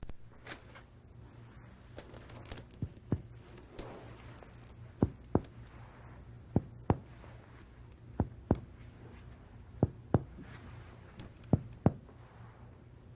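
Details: Resonant percussion note over the thorax of a healthy patient during a physical examination demonstration; normal resonant lung percussion.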